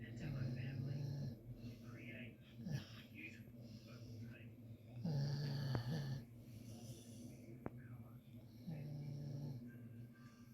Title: 🤣🤣🤣Funniest dog snoring louder then a human🤣🤣😍